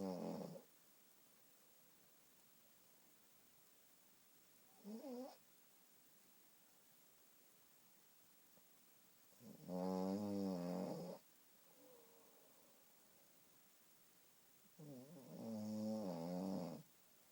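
Rattling snores on breaths in, separated by long quiet gaps, roughly 11 breaths a minute; ordinary snoring.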